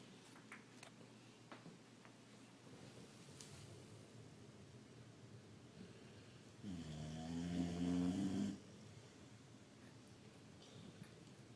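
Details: Snoring while another sleeps nearby: one loud, low, buzzing snore against a quiet room, with softer breathing before and after.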